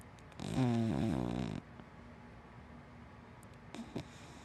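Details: Sleeping dachshund–black Labrador mix dog snoring: a single loud, buzzing snore on the in-breath, then quiet breathing and a faint second snort, ordinary snoring.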